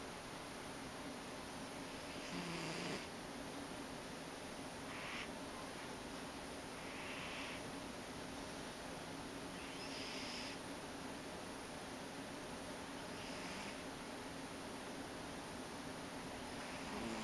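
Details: Soft, purring snores every few seconds under a steady hiss from a sleeping Ragdoll cat.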